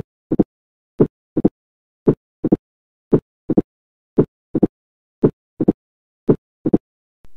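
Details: Heart sound teaching recording, slow regular heartbeat: high-pitched, short, snapping extra sound just after S2, heard near the lower left sternal border, fourth intercostal space; opening snap of mitral stenosis.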